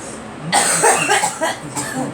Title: Girl coughing